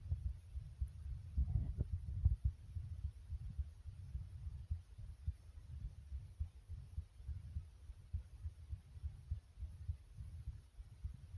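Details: Heartbeat the person deliberately made fast: quick, soft low thumps at about 105 beats a minute over a low background hum.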